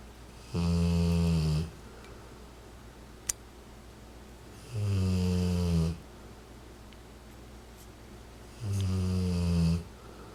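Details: Rottweiler sleeping on his owner's lap, 40 days after a hemangiosarcoma diagnosis and splenectomy: three deep, regular snores about four seconds apart, roughly 14 a minute, on the in-breath.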